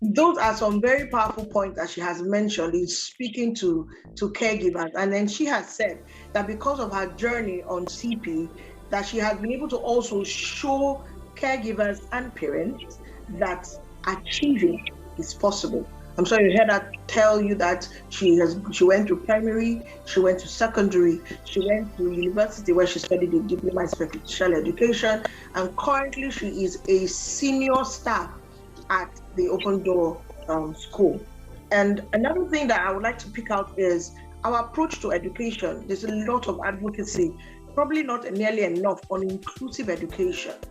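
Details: Adult speaker, program host; typical speech.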